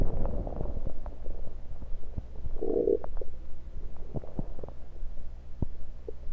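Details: Bowel sounds through a stethoscope moved around the belly (10/16/23), recorded mainly to show stethoscope placement: gurgling, rumbling abdominal sounds with scattered clicks.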